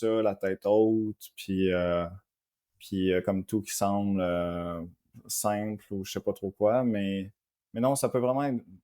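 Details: Adult man with stuttering, treated by psychologists and a speech therapist; stuttering.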